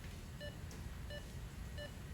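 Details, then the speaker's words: Three evenly spaced short electronic beeps, about 90 a minute, over low room rumble: a pulse oximeter on a child's finger sounding with each heartbeat in the operating room before pediatric dental surgery anesthesia. "the anesthesia nurse put a small sticker on the end of my finger it had a red light in it it was connected to a special machine which made a beeping noise it told the doctors how much oxygen was in my"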